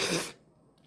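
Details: A single acted cough in a comedy skit about catching a cough and cold: one short, forceful burst lasting about a third of a second, possibly sneeze-like, then near silence.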